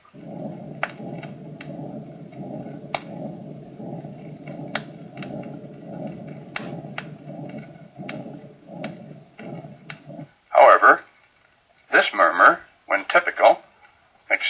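Steady rumbling murmur that runs through every beat without a gap, swelling and fading with each cycle: continuous murmur of patent ductus arteriosus.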